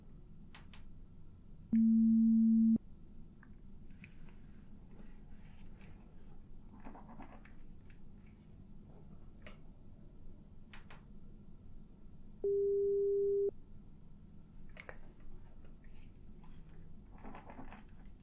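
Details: Simulated hearing test in an ASMR audiologist role-play, during high/low frequency testing in which the listener raises a hand or says yes on hearing a tone: two steady beeps about a second each, one low and one higher, over soft room noise and rustling.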